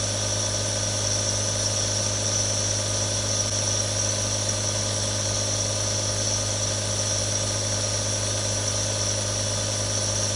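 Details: Real sounds from one of three different nebulizers: a steady mechanical hum with a constant low drone and airy hiss, continuous and unchanging, as the compressor runs.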